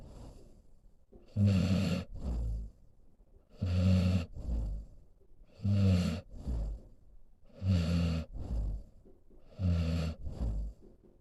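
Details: Senior pit bull mix dog snoring while asleep: loud, regular rumbling snores on each breath in, softer breaths out, about 30 breaths a minute.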